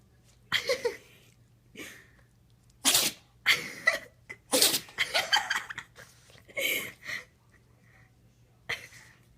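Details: A run of about six sharp, hissing sneezes in quick succession, over a faint steady hum; a sneezing fit.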